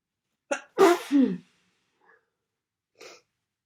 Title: Congestion, sniffling, sneezing bad cold.